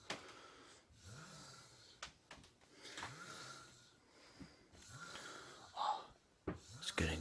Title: Guy takes home snoring girl, makes hilarious video